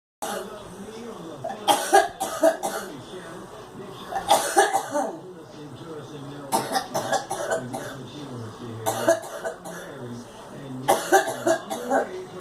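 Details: Child coughing in repeated clusters of short, harsh coughs, about five bouts of several coughs each with breaths between; persistent coughing.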